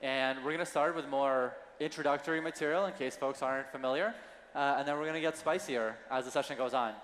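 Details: Adult male speaker; normal voice.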